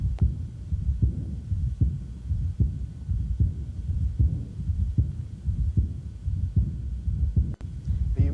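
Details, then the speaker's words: Aortic regurgitation: regular heartbeat near 76 a minute with a soft, high-frequency, early diastolic decrescendo blowing murmur starting with S2, usually loudest at the lower right or left sternal border. "so it's a high frequency murmur that begins with a second heart sound and case so it's early diastolic de crescendo and its loudest usually on lower right or left sternal border"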